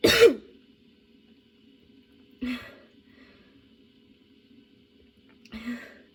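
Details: Sudden, unexpectedly prolonged coughing fit, worsening rather than easing, with tears and changing positions for comfort; three separate harsh coughs a few seconds apart in a quiet room.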